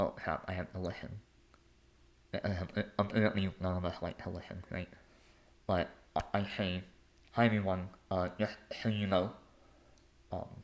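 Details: Adult male with a lifelong speech impediment; stuttering-like disfluency.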